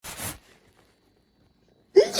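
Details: Person with excessive hay fever this month, after cutting the grass; one of two sneeze attacks: a sharp sneeze burst, a pause, then the start of another; sneezing.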